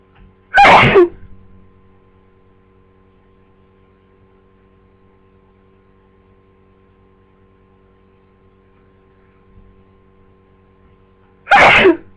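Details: Person with flu for two days, newly sneezy: two sharp, explosive sneezes about eleven seconds apart, quiet between; sneezing during flu illness.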